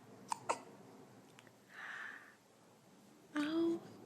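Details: A 3-week-old baby boy with baby acne gives two quick hiccup clicks, then a soft breath and a brief coo: infant hiccups.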